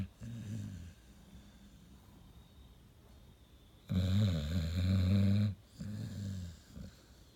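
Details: Sleeping Pit Bull whose owner describes sleep apnea and restless leg syndrome: loud, deep, rumbling snores in uneven bursts with quiet gaps between; snoring.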